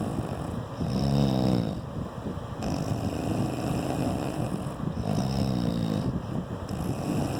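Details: Two rattling inspiratory snores about four seconds apart (around 14 a minute), partly masked by steady wind-like noise; snoring during sleep.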